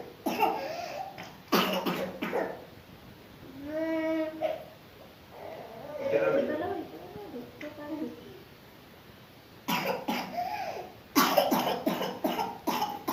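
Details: A child with a cough that would not heal and phlegm stuck in the throat: bouts of wet, rattly coughing with crying and gurgling between, a productive cough bringing phlegm up as the cough begins to ease.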